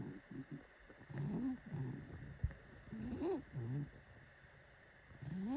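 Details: Sleeping cat, a heavy sleeper: soft rattling snores with each breath, about one every two seconds.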